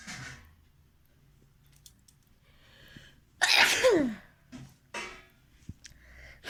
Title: SNEEZING CHALLENGE 🤧 AND NOSE BLOWING PART = 2 REQUEST VIDEO 🤧🤧